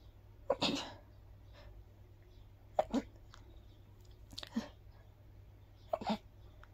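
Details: Person sneezing after a walk in the park, attributed to grass pollen: four breathy sneezes in a row, each a sharp in-breath and an explosive burst; repeated sneezing.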